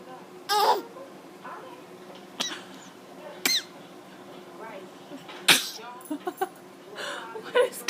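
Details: Infant girl's sneezing fit: a few short, sharp sneezes among quiet fussing sounds.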